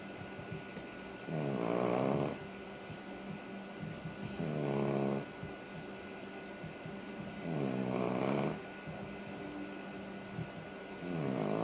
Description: My dog sleeps on her back and snores like a chainsaw...